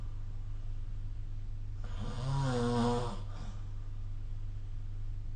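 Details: Snoring during sleep recorded with the SnoreLab app: a single low, rumbling snore on an in-breath over a steady background hum.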